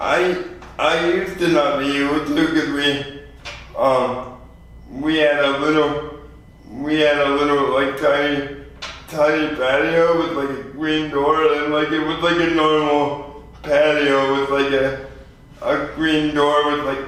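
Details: 24-year-old man with lifelong spastic quadriplegic cerebral palsy after premature birth at 2 lb 4 oz; unable to talk early in life and had speech therapy; dysarthric speech in cerebral palsy.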